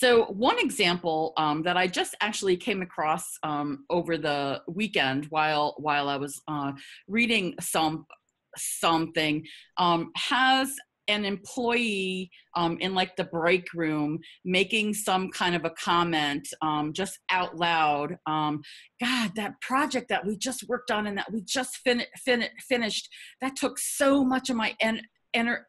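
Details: Adult who stutters, presenting a workplace self-advocacy webinar with audible part-word and word repetitions; stuttering.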